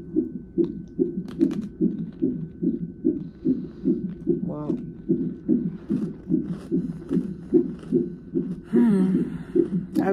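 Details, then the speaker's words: Fetal heartbeat on a labor-and-delivery triage monitor at 34 weeks' pregnancy, mother with sharp pain and pressure; rapid, regular whooshing about 140 a minute with faint background sounds, described as very good and strong. "look at hear the heartbeat they got me on the [Music] monitor this is what they got me on"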